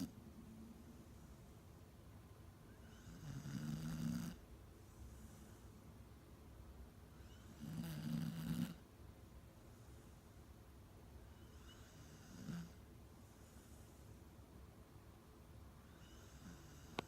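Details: Low rattling snores on each in-breath, about every four seconds (roughly 15 a minute), over steady room hiss; ordinary snoring.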